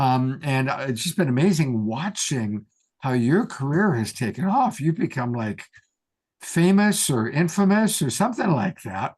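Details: Adult speaker; Ordinary speech.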